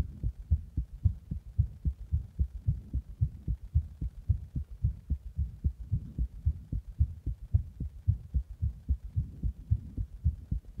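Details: Fast heartbeat after drinking a Monster energy drink in the bath and then applying compression: rapid, regular thumping at about 110 beats a minute.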